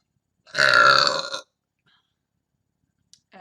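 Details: A single loud, sustained voiced belch lasting about one second, followed by silence; burping.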